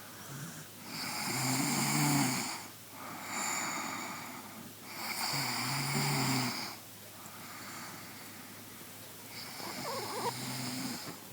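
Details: Ordinary snoring: loud, rattling snores on each in-breath, about 14 a minute, with quieter out-breaths between them.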